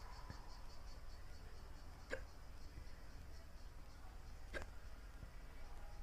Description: So I got the hiccups again... yay